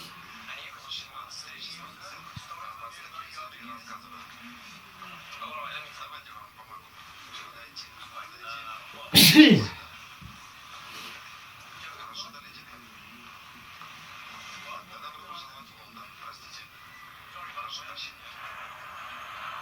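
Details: A single loud sneeze breaking through quiet talk and background sound from a film scene.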